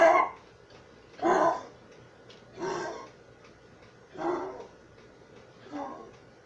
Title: A 13 year old pitbull coughing 12